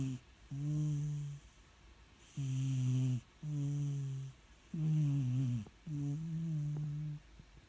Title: Adorable Red Cat Sleeps and Snores 😻